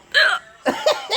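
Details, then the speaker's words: Girl with hiccups after eating brats, sitting playing Candy Crush: two sharp, abrupt voiced gulps about half a second apart, typical hiccups. "I'm sitting here playing Candy Crush with the hiccups yeah"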